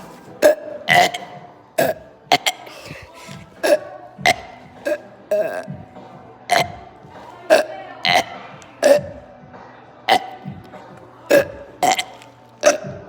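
A run of loud, short belches, about 16 a minute at irregular spacing, with faint background music; repeated burping.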